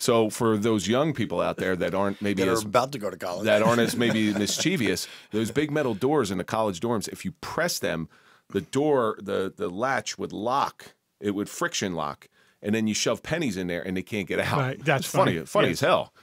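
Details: Adult male speaker; Ordinary speech.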